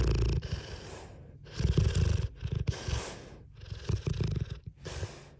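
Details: Deep, low rumbling snores in repeated cycles, some with snorting, at a regular breathing pace; snoring.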